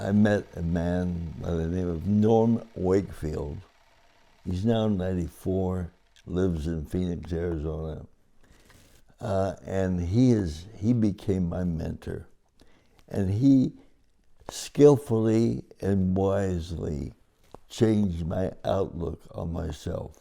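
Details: Adult man with cerebral palsy since birth following a long labour, described as talking and walking differently, married 57 years; dysarthria (cerebral palsy).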